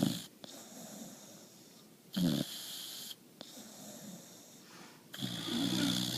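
Loud rough snoring breaths with pauses between them, from a sleeping puppy.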